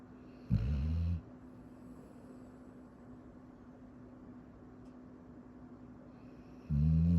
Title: Koko snores in his sleep